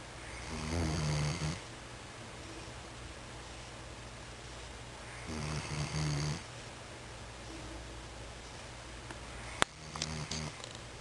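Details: Dog snoring: two loud, rough, rattling snores several seconds apart, with a sharp click near the end; ordinary snoring.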